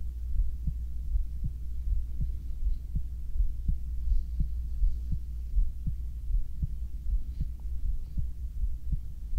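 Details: Binaural ASMR heartbeat recording made while lying down to co-sleep: soft, steady low thumps at about 80 beats a minute under a constant hum, with faint gurgles, possibly stomach sounds; normal heart sounds.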